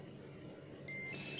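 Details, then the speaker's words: Terumo TE-331 syringe pump switched on by long-pressing the On/Off button: a short high-pitched electronic beep over quiet room noise. Syringe pump power-on beep. "ciri-ciri sini ada tombol On atau Off kalau ingin menyalakan kita tekan lama-lama Hai yang baru nyala ya"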